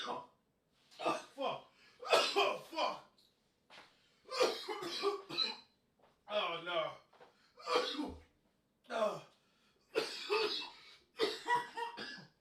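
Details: Adult man coughing over and over in harsh, voiced bursts with strained gasping breaths between, crawling on the floor after smoking from a new cart; coughing fit.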